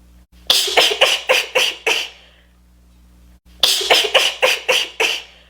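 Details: Her rapid, uncontrollable sneezing fit, looped: two runs of six quick, sharp bursts about a quarter second apart over a steady hum.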